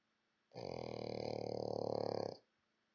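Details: Sleeping dog snoring: a single long, buzzing, throaty snore lasting nearly two seconds.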